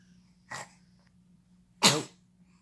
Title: Sneezes!